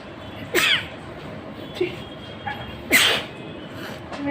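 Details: Two sharp human sneezes with a short breath before the second, over faint room noise, filmed as a sneezing challenge; sneezing.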